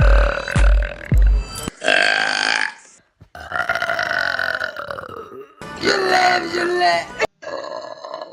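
Several loud, drawn-out burps, some deep and croaking, in a row after a few brief low thumps; belching.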